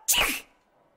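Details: Female teacher sneezing openly in front of her class.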